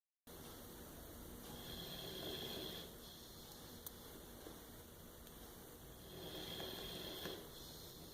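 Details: Sleeping puppy snoring: two soft, slow, wheezy snoring breaths, about seven or eight a minute, over steady room noise.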